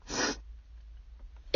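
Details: Sick woman, husky voice and coughing, sitting in her car: one short, sharp, hissing sneeze burst while trying to talk, then quiet.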